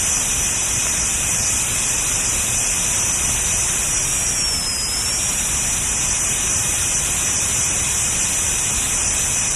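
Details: Running dental drill: a steady, shrill high-pitched whine with hiss, briefly dipping in pitch under load.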